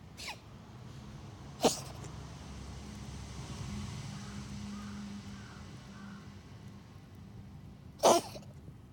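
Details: A friendly stray cat that often visits the home sneezes repeatedly, perhaps from hay fever. Two short, sharp sneezes several seconds apart in a quiet room: cat sneezing.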